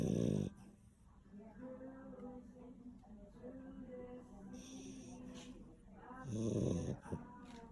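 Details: Labrador puppy snoring: loud rattling snores with faint whistling breaths between them; ordinary snoring.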